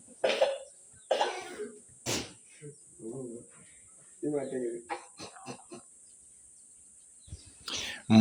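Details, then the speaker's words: Goat with a cough newly noticed on morning inspection, injected with multivitamins: several harsh, abrupt, dry hacking cough bursts with brief voiced sounds between. "the big one has started coughing we've just noticed the cough this morning so we are going to inject him"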